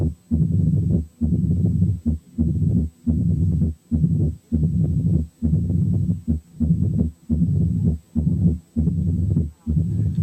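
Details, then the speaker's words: Mitral stenosis with atrial fibrillation heard over the mitral area with the stethoscope bell: irregular low-pitched heart sounds with a long rumbling diastolic murmur. "8 كانت حالة ماترال ستينوزيس واترال فيبريليشن."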